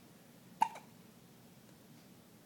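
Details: Young child with hiccups: one sharp, brief voiced hiccup with a quick squeak, then quiet room noise.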